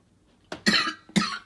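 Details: Two or three short, forceful coughs in quick succession with a brief pause between; a plain dry-sounding cough.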